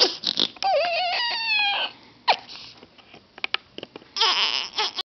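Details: An infant, held by her father, has hiccups; short bursts of high-pitched fussing and crying with rising and falling pitch and brief pauses, no distinct hiccup sounds audible.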